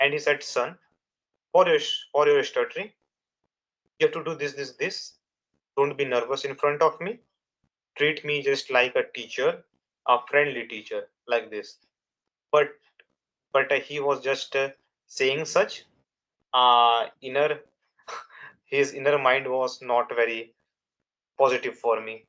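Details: Young adult man from India who has stuttered since childhood, for over 10 years, with nervousness and fast speech rate as triggers and a father who also stammered; he says he still stutters in real life; stuttering.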